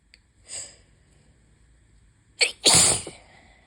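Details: Allergy sneezing on a high-pollen day with the window open: a quick intake of breath, then a sharp, hissing sneeze; sneezing.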